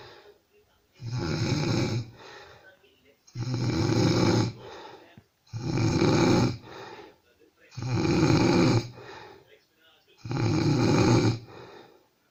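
Deep, rumbling, regular snores about every 2.4 seconds, with softer rasping between them; loud snoring.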